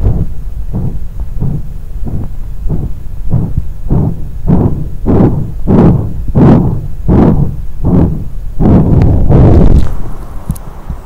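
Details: Rhythmic whooshing pulses at about 94 per minute, an audible vascular bruit of objective pulsatile tinnitus, which can be the first sign of a dural arteriovenous fistula.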